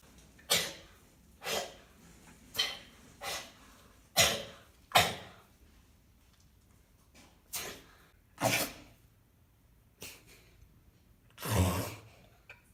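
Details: About a dozen harsh, spluttering coughs in short bursts from Pankhurst, a grey seal in rehabilitation with lungworm infection and blood at the mouth, recently wormed; cough due to lungworm.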